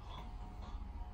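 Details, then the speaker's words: Adult with moderate obstructive sleep apnea and prior nasal surgery imitating snoring on request during flexible endoscopic airway exam at nasopharynx level: brief, low, rattling snort. "dil kökü çok önemli bir daha yapın horlar gibi nefes alın burnunuzdan Evet"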